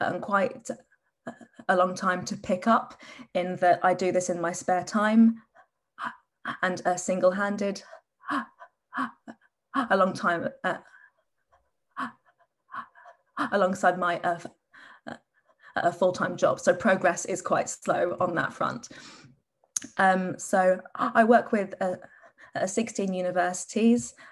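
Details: Panel speaker who stammers, speaking at a stammering awareness event; stuttering.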